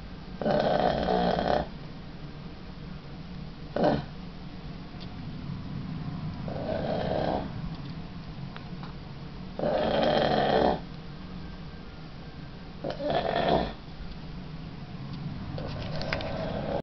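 Loud, rough, rattling snores recurring irregularly, about six in seventeen seconds, over quieter breathing; snoring.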